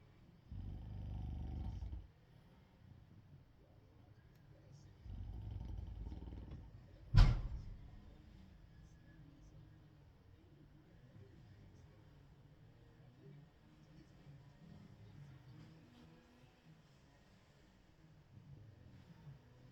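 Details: Tired adult man (dad) snoring in sleep: two low, rumbling inspiratory snores about three seconds apart, then a sharp noise and quieter breathing.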